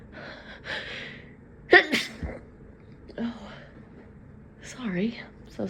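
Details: Person apologising between sneezes, unable to stop: gasping intakes, a sharp sneeze and a partly held-back second one, with soft breathy sounds between; sneezing.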